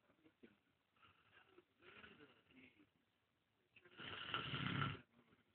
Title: Snore monster can't breath